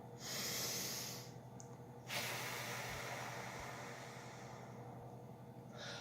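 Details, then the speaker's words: Demonstration of Ventolin (salbutamol) inhaler use with a mouthpiece spacer (aerochamber): after shaking the inhaler and fitting it to the spacer, a deep breath in then a long, steady exhalation emptying the lungs before actuating. "On brasse. On vide nos poumons. On prend une grande respiration et ensuite, on vide nos poumons."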